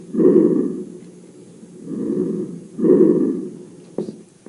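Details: Lung auscultation sounds: soft, low rushing breath sounds through a stethoscope, rising and falling with each breath.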